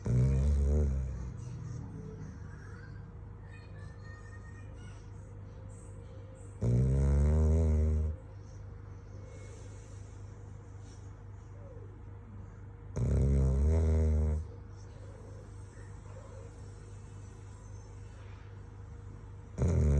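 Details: Male dog sleeping deeply in an air-conditioned room: deep, low rumbling snores about every 6 seconds, roughly 9 a minute, over a steady background hum; regular snoring.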